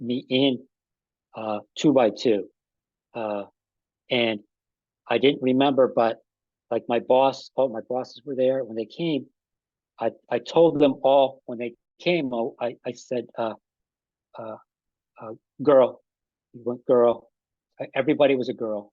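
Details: Post-stroke aphasia in an adult man, about five and a half years after an ischemic stroke that occurred together with a heart attack; ongoing difficulty with names and word tenses.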